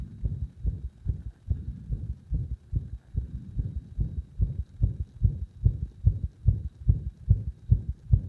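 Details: Heart sounds as pressure on the heart was gradually increased to provoke an arrhythmia: fast heartbeat about 146 a minute with a few uneven gaps between beats; induced arrhythmia.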